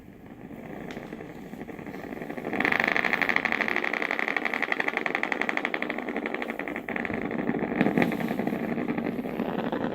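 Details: Needle EMG of the short head of biceps femoris, about three finger breadths from the popliteal fossa, medial to the tendon. As the knee bends against resistance, rapid crackling, buzzing motor-unit pops build, slightly more activation than ideal.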